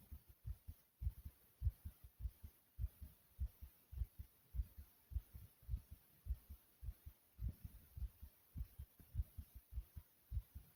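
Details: Strong, regular paired heart thumps at roughly 100 beats a minute, a person's own heart beating hard and loud: fast heartbeat (tachycardia).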